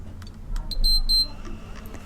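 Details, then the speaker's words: Nutricia Flocare Infinity enteral feeding pump in training demonstration, start-stop pressed to run feed: a few short high beeps over quiet room noise, normal start signal. "So you'll hear a beep, and you'll see there's a run circle which indicates that the feed is going."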